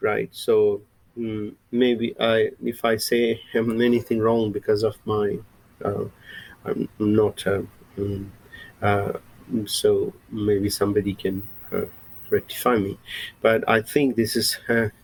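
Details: Adult male with lifelong stuttering since he began speaking, mother also stuttered; a recovering stammerer using breathing techniques from a stammering recovery course and a speech synthesizer for lectures; stuttering.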